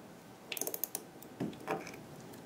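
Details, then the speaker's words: MIS ratchet wrench with adapter finishing seating of a 3.75 × 13 mm C1 dental implant after reaching at least 35 Ncm: quick series of sharp ratchet clicks, a pause, then a few softer clicks. "I'm going to finish placing it with the ratchet wrench for that I'll need the ratchet wrench adapter so I can use the same insert tool in my Mis ratchet wrench"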